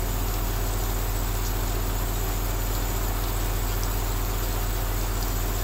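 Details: Steady low mechanical hum with fast regular pulsing, about 150 a minute, over a constant rain-like hiss: an aerosol nebulizer running while it rains outside.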